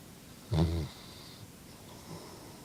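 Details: Chocolate Labrador dog asleep: a single low, rattling snore on an in-breath, followed by quiet breathing in a still room; snoring.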